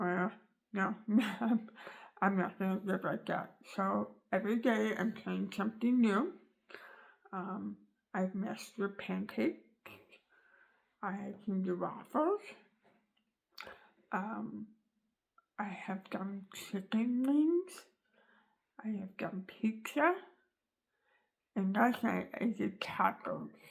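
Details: Adult woman with an articulation disorder after tongue cancer surgery removing almost all of her tongue, floor of mouth, bottom teeth and part of the jaw, with the tongue rebuilt from leg tissue sewn to her gums; she cannot use her tongue for words and is relearning to talk.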